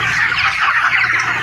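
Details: Broiler chickens with respiratory problems since about 8–10 days old, after two days without brooding light: dense flock chatter with short harsh 'khe' rattles, a respiratory rale described as a sign of CRD or pneumonia.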